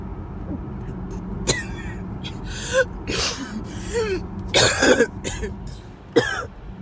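Repeated harsh coughs and throat-clearing in bouts over road noise: a coughing fit.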